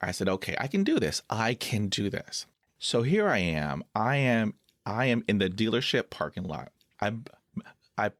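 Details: Adult man who stutters, with blocks he says come with eye closing, hand movements, leg tapping and facial tics: stuttering.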